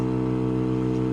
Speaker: And then when I suction, I'm going to kind of go back and forth, sweeping as I pull out and pull out any secretions. So I'm going to suction back and forth